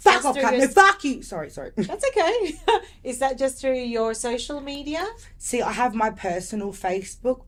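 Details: Coprolalia vocal tics in an adult woman with lifelong severe Tourette syndrome, diagnosed at age five.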